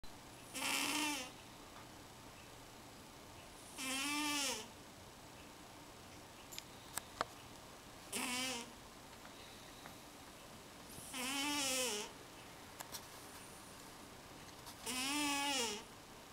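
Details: Cat snoring while asleep: five noisy, wavering snores in about 16 seconds, roughly 18 a minute, with quiet room noise between.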